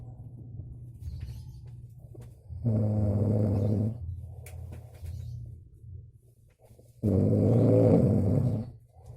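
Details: Adult man who complains he can't sleep, recorded asleep: two loud, deep, rattling snores on breathing in, with quieter breathing between; snoring.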